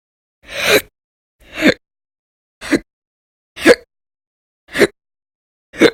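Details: Audio-only recording from January 2020 of violent, loud hiccups in a person whose bouts lasted many hours a day: six sharp, abrupt gulping catches of breath, about one a second. Persistent hiccups.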